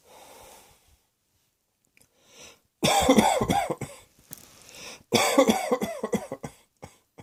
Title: Cross Dressing Coughing 1